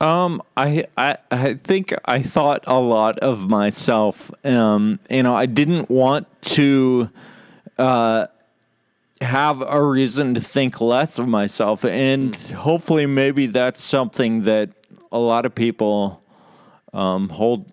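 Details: Real male patient with Friedreich's ataxia, a condition causing loss of muscle control and balance; ataxic dysarthria (slurred speech) in Friedreich's ataxia.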